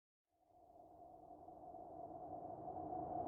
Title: Tv woman Stomach growl